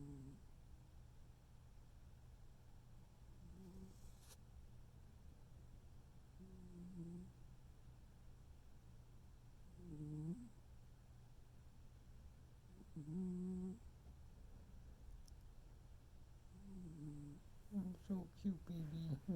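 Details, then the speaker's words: Pet snoring in sleep: soft, low rumbling snores roughly every three seconds in a quiet room, with faint squeaky tones at the end; recorded without an external mic. "You make me laugh so much. You snore more than I do."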